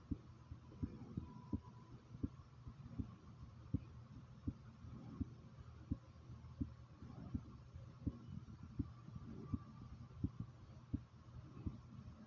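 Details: The recorder's own heartbeat, which they describe as pounding rather fast: strong, regular low thumps at about 84 beats a minute over a steady background hum.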